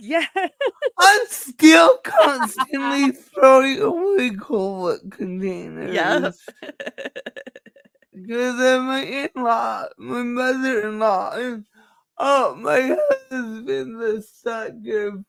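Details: Dysarthria in a woman with cerebral palsy; she says the cerebral palsy is why she talks this way and that nothing can be done about it; real, not acted.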